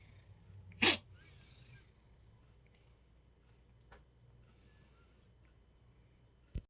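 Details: A single sharp sneeze from a newly adopted cat that has been hacking and sneezing, followed by faint snuffles and a brief click, with no clear hacking heard; cat sneeze.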